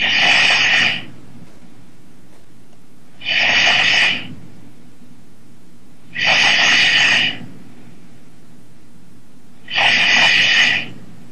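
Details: Person asleep during a Skype call, snoring heard through the Skype call audio: loud, harsh rasping snores at regular intervals, about 18 per minute, with quiet pauses between breaths; ordinary heavy snoring.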